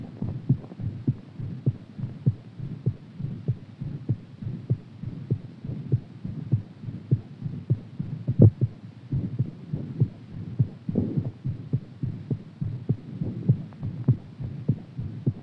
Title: HAERTBEAT AFTER EXERCISE